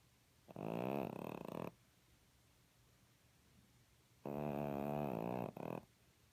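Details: Two buzzing, rasping snores from a sleeping cat, each with a brief break, separated by quiet; ordinary snoring.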